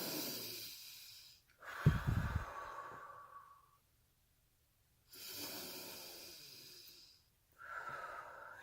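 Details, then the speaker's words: An adult in the early days of quitting smoking, who still has a sinus infection, takes slow deep breaths through the nose. There is a rough, snuffly hiss and a brief snort, consistent with nasal congestion. "can hear I'm so congested through here I can feel it too when I breathe in deep"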